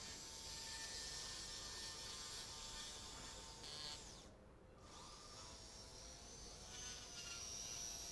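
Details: Steady high-pitched whirring with rough grinding and brief pause: powered arthroscopic burr in reverse mode, lightly polishing glenoid bone in Bankart repair, 30-year-old male, left recurrent shoulder dislocation, 10–15 episodes.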